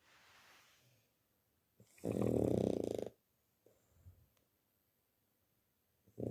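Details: Loud snoring from a little one nicknamed a "snore monster": a buzzing, fluttering snore on an in-breath, with softer breaths before and after.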